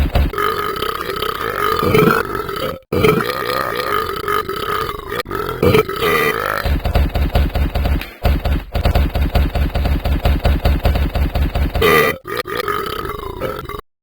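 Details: Burping: long, deep, rumbling burps in a continuous series with brief pauses between them.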